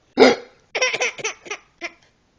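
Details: 9-month-old baby boy trying to imitate hiccups in play: a sharp gulping catch followed by a run of short giggly bursts; hiccup-like sounds mixed with laughter.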